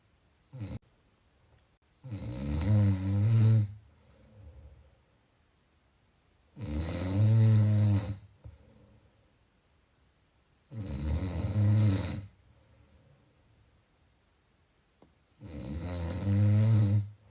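Loud rumbling snores on each breath in, about 14 a minute, with quiet pauses between them.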